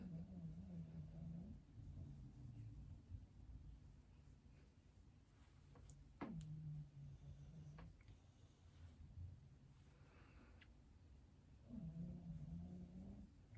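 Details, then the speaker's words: Dog snoring while asleep: low, droning snores in three drawn-out sounds against quiet room rumble. "You can hear my dog snoring."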